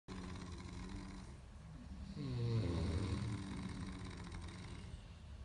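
Low, rough, vibrating snore swelling on one breath over steady background hum; snoring.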